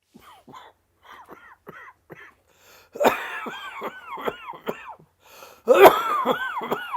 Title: Covid coughing 2